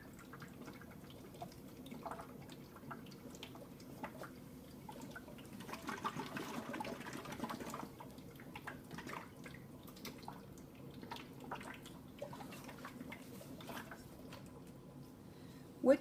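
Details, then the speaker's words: Neonatal water-seal chest drain set-up: soft, steady gentle bubbling and trickling in the suction control chamber on wall suction, as it should be; big bubbling is not wanted. "then we're going to turn our wall section on and you're going to notice this when you turn the section on what you want is just a gentle you don't want big bubbly"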